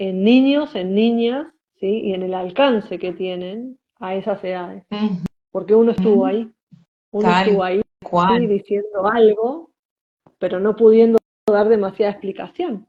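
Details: Spanish-speaking woman who identifies herself as a person who stutters, in conversation with a speech therapist; stuttering.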